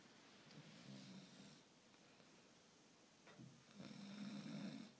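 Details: Woman snoring: soft fluttering snores in a quiet room, two breaths in five seconds, during sleep.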